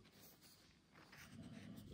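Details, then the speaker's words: Snoring from Filou, heard in the background while the speaker reads aloud from a manual of energy healing for animals. "Vous entendez ronfler filou."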